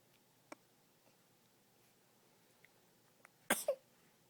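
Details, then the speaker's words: Small child with hiccups: faint, brief hiccup clicks spaced seconds apart in a quiet room, then a louder sneeze at the end. "Tell those hiccups to go away. Go away, hiccups."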